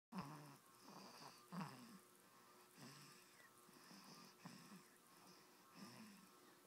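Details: Snoring in a baby boy sleeping in his mother's bed: soft, rough breathing noises recurring about every one to two seconds in a quiet room.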